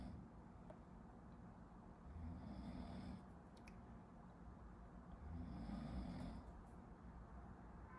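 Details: Low rumbling snores from someone sleeping behind a medical student studying in a quiet room, with two inhaled snores about three seconds apart.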